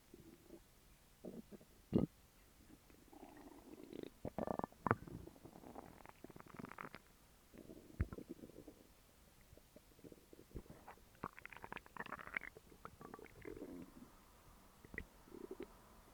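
Quiet gurgles, squeaks and low rumbles come and go irregularly: ordinary stomach growling from gas and fluid moving through the gut.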